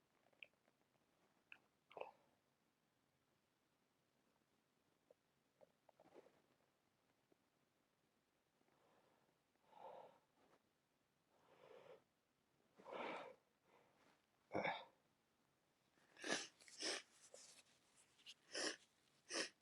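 Quiet sniffs, then a run of about six loud, sharp sneezes close together, deliberately induced, with nose blowing at the end.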